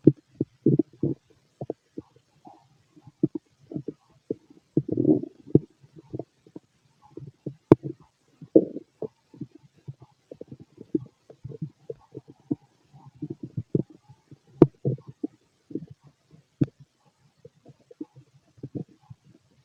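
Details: Healthy male's stomach, described as loud in person: frequent irregular gurgles and rumbles from the belly, some loud and prolonged; normal bowel sounds (stomach growling) of a healthy digestive system.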